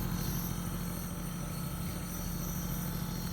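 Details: Steady low mechanical hum of a nebulizer compressor running during a child's nebulizer treatment given for cough; nebulizer compressor running.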